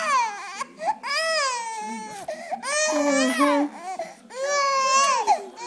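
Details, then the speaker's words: Infant girl crying during tummy time, which she dislikes: repeated rising and falling wails, about 35 a minute, with brief catches of breath, as an older sibling is urged to comfort her. "make her stop crying you going love her no give her love it's a good big sister"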